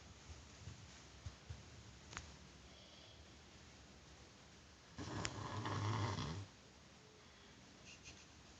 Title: Roncando